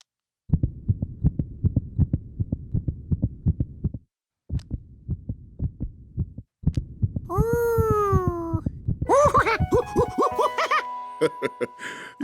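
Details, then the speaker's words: Cartoon sound effect, not a real recording: a rapid, regular thumping heartbeat heard through a stethoscope, roughly 160 a minute, followed by whistles and music. It is a cartoon heartbeat heard through a stethoscope. "ever used a stethoscope George H I use it to hear things that I can't [Music] see that's the sound of my"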